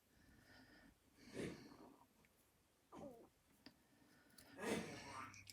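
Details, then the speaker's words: Oscar, a dog, gives three harsh, honking cough bursts in a quiet room; owner thought it was kennel cough, vets say it sounds like it but something else is going on; under investigation, on antibiotics. "hear that noise that is oscar he's got a cough that we thought was kennel cough but um it isn't they said it sounds like kennel cough"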